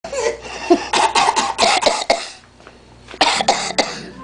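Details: A 6-month-old girl gives two runs of short, harsh coughs, about nine in all, with a brief pause between the runs: infant cough.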